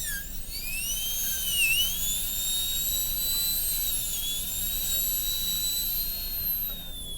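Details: High-speed dental drill extending gingivally on both sides and cutting the corners of an MOD amalgam preparation on tooth 29 of an Acadental typodont: a steady high-pitched whine, pitch dipping briefly as it cuts.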